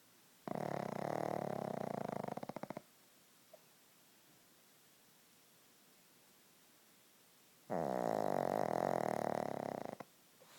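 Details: Pug snoring in sleep: two long, loud, rattling snores about seven seconds apart, with quiet between them.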